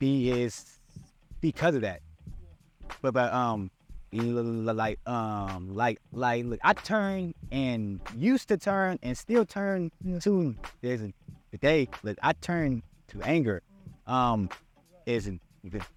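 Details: Adult male podcast co-host who stutters, describing a speech impediment he still struggles with; stuttering.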